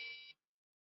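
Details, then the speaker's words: Single short high-pitched metronome beep from a Beluga neonatal resuscitator pacing ventilation at 30 breaths per minute, PEEP 5 and PIP 20, during a tabletop demonstration; the metronome can be switched off. "i'm not a nurse or a doctor so i'm not perfect at it the beep helps me the nurses and doctors are trained so we don't need that assistance"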